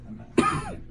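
A single short, sharp adult cough bursts out after a quiet moment with faint background sound; a plain single cough.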